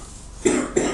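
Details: An adult man (daddy), cooking a little way off in the room, gives two short, harsh cough bursts in quick succession while a child talks.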